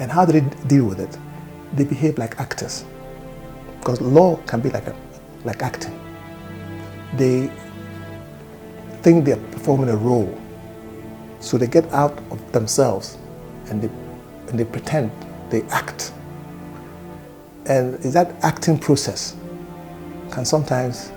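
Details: Adult man speaking; stammering.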